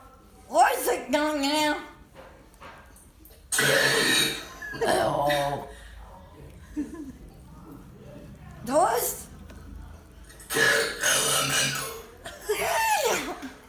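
Long, deliberate voiced belches shaped into letter sounds, with pauses between; voluntary burping, not a medical sign.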